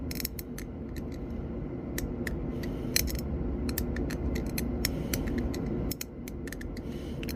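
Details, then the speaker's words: Dental bench test on a maxillary first premolar, class II DO amalgam preparation: a sharp hand instrument scrapes, cuts vertically and flattens the wall, giving rapid, irregular gritty scraping clicks. "more so scraping motion and then vertical cut and I'm going to flatten this area I like cing"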